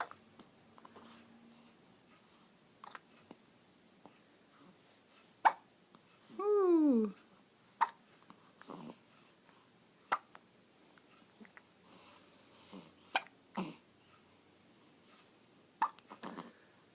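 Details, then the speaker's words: A boy's hiccups, after he had thrown up and peed on earlier outfits that day: repeated short, abrupt clicking catches at irregular intervals with one longer squeaky vocal sound in a quiet room; hiccups. "and now we're on the third one but now he has the hicup since it's really cute"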